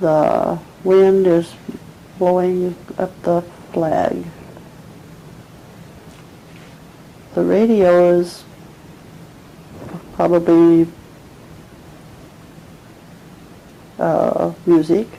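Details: Nonfluent/agrammatic primary progressive aphasia in a 74-year-old patient describing a picture; short, segmented, effortful sentences missing connecting words.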